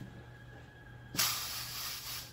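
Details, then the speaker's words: Manometer-equipped self-inflating bag-valve-mask with outlet plugged by thumb and bag squeezed: quiet, then sudden sustained hiss as the pressure relief (pop-off) valve opens at about 40 cm of water; demonstration. "or the manometer shows a release at about 40 centimeters of water this is the kind of leftover from the old days"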